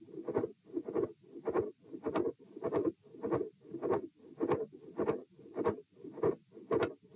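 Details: Repeat heart-sound stress test at position E: lying, sitting, standing, then lying again, heart rate 84-96-114-78 bpm; midsystolic murmur with click and fixed split S2.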